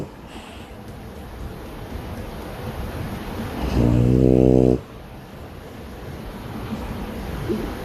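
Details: Quiet room with one loud, low, buzzing snore lasting about a second; the snorer is possibly a French bulldog. Snoring.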